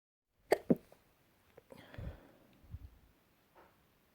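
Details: Dust-triggered sneezes: two quick, sharp sneezes close together, followed by soft snuffling.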